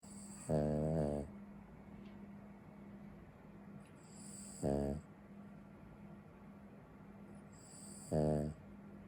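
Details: Little dog snoring while asleep: three loud buzzing snores about every 3.5 seconds, roughly 17 breaths a minute, with quiet breathing and a steady hum between.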